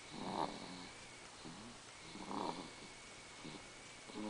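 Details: Six-month-old infant girl, exhausted after her 6-month vaccinations that day, asleep in father's lap: soft, rough snoring roughly every two seconds over a faint steady whine; infant snoring.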